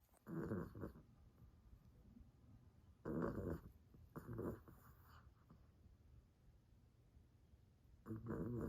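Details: Snoring in a sleeping dog: rough, rumbling snores on each breath, roughly every few seconds, with quiet gaps between.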